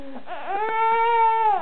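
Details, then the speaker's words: Baby girl crying during modified tummy time: a single rising, sustained wail; ordinary crying episode. "we are trying to have a modified tummy time yeah and then I think she realized that she got tricked into this modified tummy time still screaming bloody murder"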